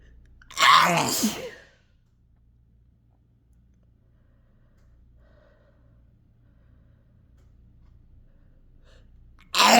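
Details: One loud, forceful sneeze followed by quiet, with another starting at the end; throat-scraping sneezes induced by chhinkni sneezing powder, into a handkerchief.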